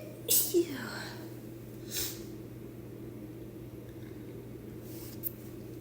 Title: girly sneezes again